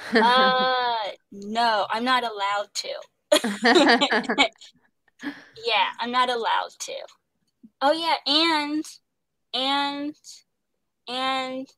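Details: Young woman who stutters, an actress voicing the lead character of an animated series; stuttering.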